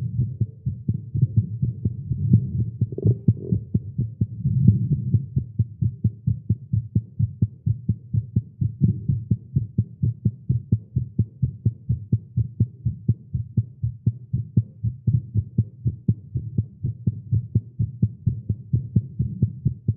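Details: Male heartbeat after exercise and caffeine, tagged irregular: fast, strong beat about 128 per minute, slightly uneven, with a low hum behind; tachycardia.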